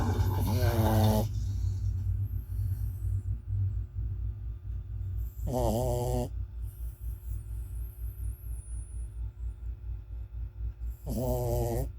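Loud, rumbling breaths repeat steadily, with a whining nasal sound about every five seconds: a heavy snore.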